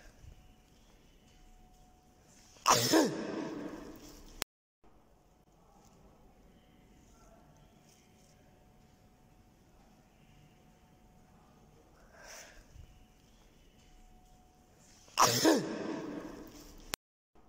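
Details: Two sharp, explosive adult male sneezes separated by quiet, with a faint breath between them; sound effect recording.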